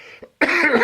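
A faint throat sound followed by one harsh, dry cough burst from an adult with a respiratory infection.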